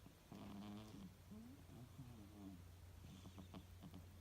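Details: Sleeping 2-year-old female British Shorthair cat snoring during a nap: low buzzing, slightly tonal noises on both inhalation and exhalation over a steady background hum.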